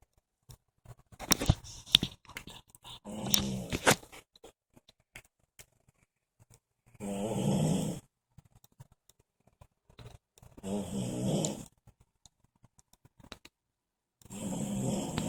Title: Horror snoring